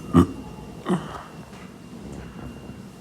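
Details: A self-described femboy burping: two short, low, throaty burps less than a second apart over steady room noise.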